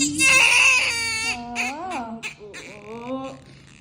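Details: Loud, high-pitched cry of a newborn baby girl just after normal vaginal delivery with nuchal cord, rising and falling wails then softer whimpering; normal vigorous newborn cry.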